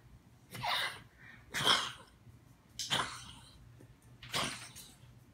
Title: Italian Greyhound Oreo Sneezing